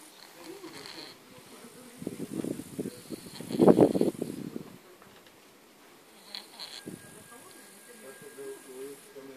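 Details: A sleeping cat snores; at first it was thought to be dead.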